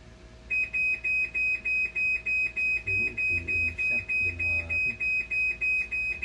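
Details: Dialysis machine alarm, steady rapid high-pitched beeping at about 200 per minute with faint talk, sounding during a vinegar rinse when the machine leaked water from a cracked clear tube at valve 26.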